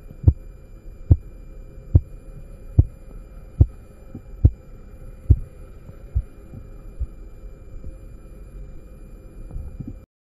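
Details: Korotkoff sounds in a practical blood-pressure demonstration using a manual sphygmomanometer zeroed beforehand and a stethoscope. Regular sharp tapping near 71 a minute, strong at first, then fading to faint and disappearing.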